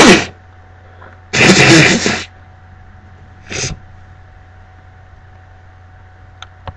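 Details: Repeated loud, forceful sneezes, one long and explosive, then a smaller one, over room hum, from a person very allergic to cats, with a cat in the room while reading aloud: allergic sneezing.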